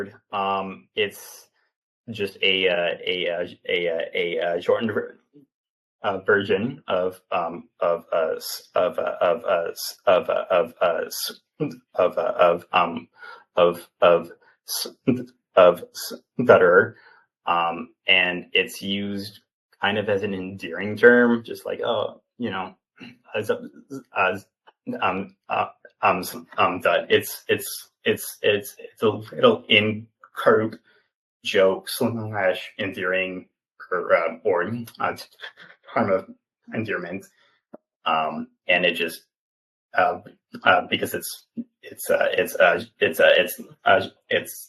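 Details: 28-year-old man who has stuttered since childhood and had childhood speech therapy, with repetitions and filler 'um' insertions; stuttering.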